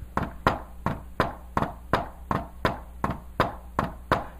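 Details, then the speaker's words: Tapped imitation of a heart rhythm at about 80 a minute in the "Tennessee" cadence, with S4 just before S1, then S2. Fourth heart sound (S4 gallop). "it sounds like Tennessee Tennessee Tennessee Tennessee as for s4 s 1 s 2"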